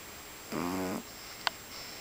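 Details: A single half-second rumbling snore on a breath, followed by quiet breathing; snoring.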